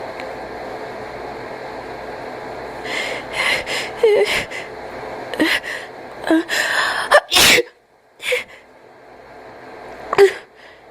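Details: Cat gives a series of sharp sneezes with gasping, noisy, wheezy breaths between them over steady background hum.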